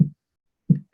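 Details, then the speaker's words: Heartbeat of a simulated adult patient on a virtual teaching tool during an assessment: two dull low thumps about 0.7 seconds apart. "this is more of an assessment and hopefully you can hear is heartbeat but we would keep them off to truly get the sense of are they able to pick it up etc"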